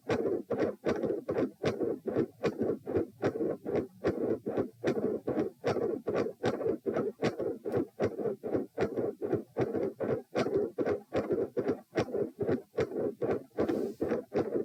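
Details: Heart sounds recorded at position P while lying down during repeated Valsalva maneuvers; regular rhythm at about 76 beats a minute.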